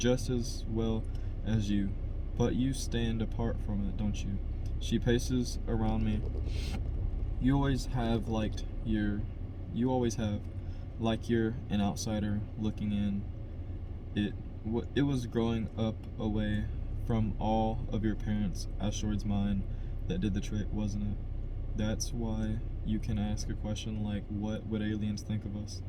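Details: Adult man who stutters, by his own account a little, reading a novel chapter aloud as practice to help his stutter; part-word and word repetitions and revisions; stuttering.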